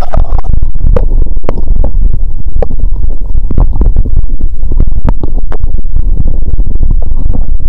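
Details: Continuous low rumbling with frequent loud gurgles and pops through a stethoscope on the abdomen after drinking cola with Mentos, person feeling full and burping: active bowel sounds.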